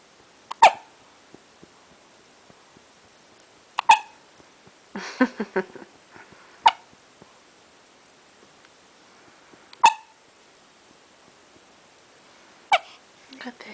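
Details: Hiccups in a pet called "baby", heard as a dog: sharp, regular hiccup jerks about every three seconds, roughly 20 a minute, with brief snuffling between.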